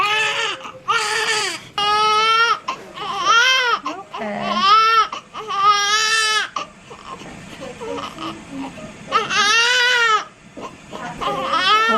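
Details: Loud, high-pitched rhythmic wails with short gasps between, from a newborn boy (8 lb 1 oz, 21 inches) just after an unmedicated natural second birth after about 30 minutes of pushing; a normal vigorous cry.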